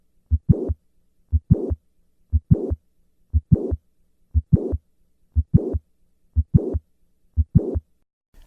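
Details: Mid-systolic click with late systolic murmur (mitral valve prolapse).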